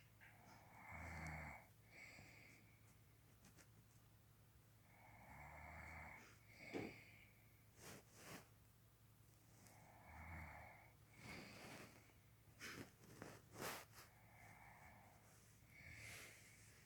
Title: Snoring bear part 2